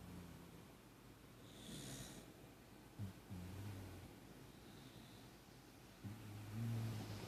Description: Beagle Jack Russell mix lightly snoring on a Saturday morning